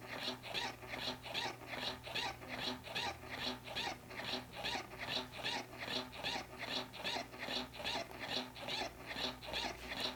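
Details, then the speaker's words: Loud rhythmic rasping suction pulses, about 75 a minute, from a Willow wearable hands-free breast pump, one side running in stimulation mode; pump noise. "is stimulation mode it's pretty loud if you're in a quiet room people are probably going to turn see where that noise is coming from"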